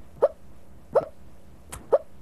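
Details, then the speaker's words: Florida teenage girl with a persistent, uncontrollable case of hiccups lasting long enough to gain national attention: four short, sharp, squeaky hiccups in about two seconds, each a sudden catch of breath with a brief voiced sound; hiccups. "I've said for a while now that her case of the hiccups wasn't a case of the hiccups it was a curse of the hiccups"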